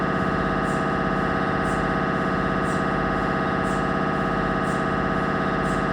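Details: Loud, continuous buzzing drone with rapid regular pulsing: gradient noise of a Siemens Magnetom Avanto 1.5T MRI scanner during imaging.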